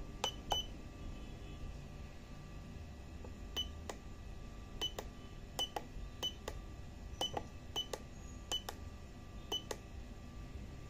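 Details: Syringe pump SP1 in operation: sharp repeated electronic beeps and clicks from keypad presses over low room hum; normal syringe pump keypad beeps.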